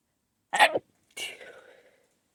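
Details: Person holding back sneezes: a short sharp intake followed by a stifled, partly held-back sneeze burst that trails off; a suppressed sneeze.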